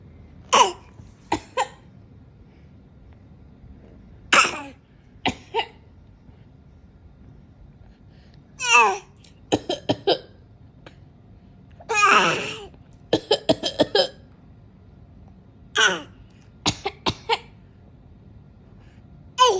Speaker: Gigi, mommy is coughing. I love you, boo boo.